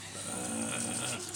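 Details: An adult imitates snoring while telling a story about companions snoring at night: a single drawn-out, voiced snorting rumble lasting just over a second.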